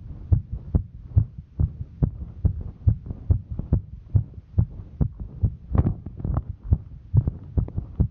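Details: Normal heartbeat of a female while hiking: fast, regular, low heart thumps at about 140 beats a minute during exertion.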